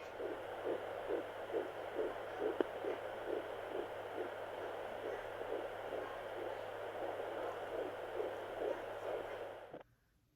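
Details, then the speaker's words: Fetal heartbeat on a home Doppler: fast, regular whooshing pulses at roughly 135–145 a minute over a steady low hum, sounding normal. "I still check on the baby with the home Doppler every day, and everything sounds great."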